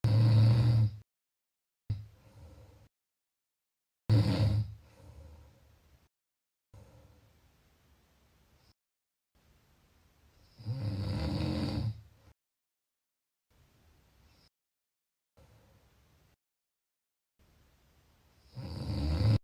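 Deep, rough, low-pitched breathing noises recur in long cycles with quiet gaps between them, typical of snoring during sleep.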